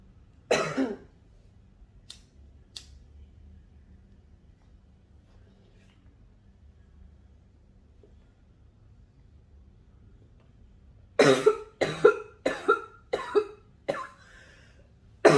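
One cough, then a quiet pause, then a run of about six harsh coughs in quick succession; a smoker's cough.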